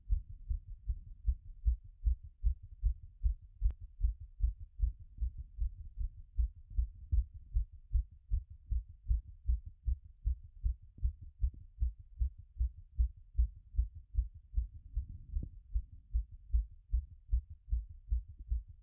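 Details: Self-recorded post-workout heart auscultation after the heart rate had peaked around 180: steady, regular, quiet low thumps at about 77 beats a minute; heart sounds settling after exercise.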